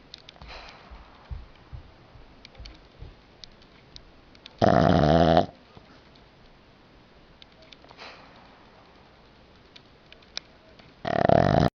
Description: My 2 year old pug dog,Winnie doing what I call "snore-ting" aka snoring while she falls asleep LOL